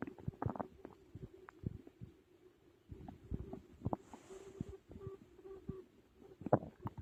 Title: Stomach Growling After a Big Meal 🍕 | Loud Digestion Sounds